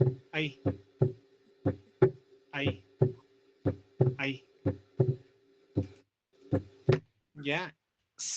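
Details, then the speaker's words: Sharp regular heart sounds at about 60 a minute; the second sound is followed closely by a small extra sound: a split second heart sound (R2 splitting), played as a teaching recording. "Ya, identifiquen cuál es loop do loop do y después del doop hay un ruidito ahí,"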